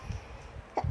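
A single short, sharp sneeze burst from someone away from the microphone, over quiet room noise.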